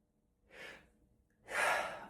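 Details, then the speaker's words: Adult having a sneeze fit despite blowing nose; such fits happen occasionally. Soft breathy build-up, then a loud, forceful burst of air: repeated sneezing. "No, it's not. God damn it. It's still happening. Oh my god. I think I'm on like 15 now."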